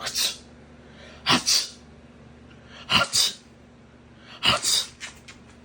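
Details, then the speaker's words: Young child, younger sibling of a big brother, sneezing repeatedly: three sharp, hissy double-burst sneezes about 1.5 seconds apart, with quiet room noise between. "So you don't care about when you sneeze on me, huh? Huh? You just sneeze anywhere? Just sneeze on me, daddy, and big brother."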